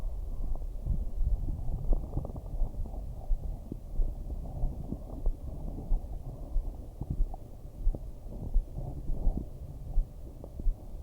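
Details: Low, irregular gurgles and rumbles with occasional clicks from a woman's stomach, from digestion or hunger, heard through headphones during hypnosis: stomach growling (bowel sounds).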